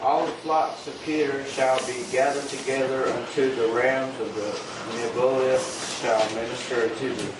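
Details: Adult male reading aloud; Normal voice.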